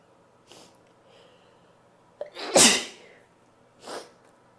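A small catch, then one sharp, hissing sneeze, followed by a softer sneeze-like puff against low room hum.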